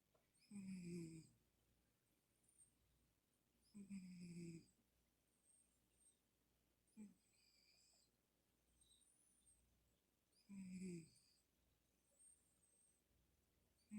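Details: A sleeping pet cat snoring: soft, rhythmic snores roughly every three seconds with quieter breaths in between.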